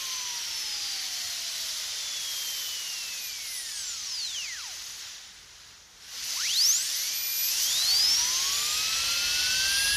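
High-pitched whine of a dental drill that winds down, stops briefly, then spins back up to speed.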